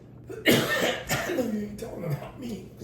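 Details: Adult giving a short run of about three harsh coughs, with some voice mixed in.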